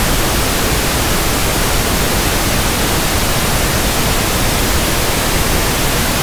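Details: Pink noise sample for tinnitus sound matching and frequency comparison: a steady, soft, even static hiss with balanced low and high content, used to compare against persistent ringing or buzzing in the ears.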